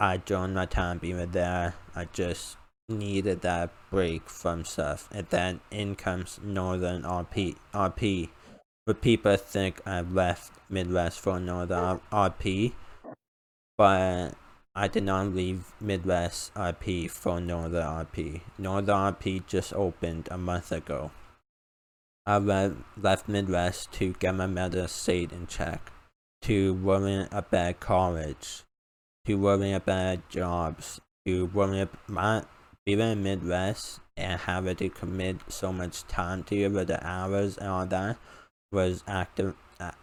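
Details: 19-year-old male college student with a self-described uncontrollable speech impediment, about 10 years of speech therapy, formerly used an iPad talking device, not needed for about three years; speech impediment.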